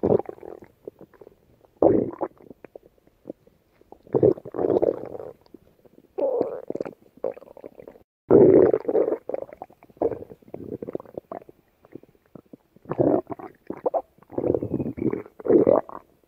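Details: Stomach growling: repeated low gurgling and rumbling bursts with short pauses, ordinary borborygmi from gut movement.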